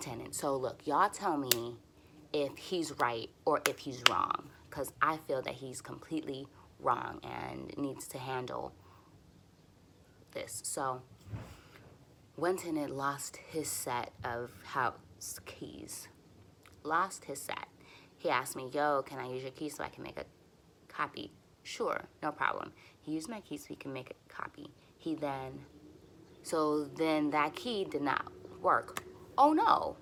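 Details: Adult woman who stutters and uses speech techniques for near-fluency, speaking while frustrated and tense, and who says her stutters are a little long — stuttering.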